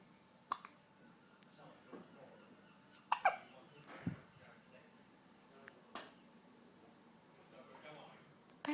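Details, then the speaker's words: Several short, sharp hiccup catches at irregular intervals with soft babble between, from a baby born 5 weeks premature, still in the special care unit, who hiccups after every feed; infant hiccups. "they're most annoying aren't they when you hiccups when you have hiccups just annoying"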